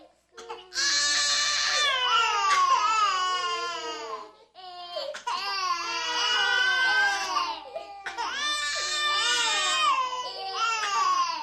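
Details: Sound-effect recording of many infants crying together: loud overlapping high-pitched wails and screams in bursts.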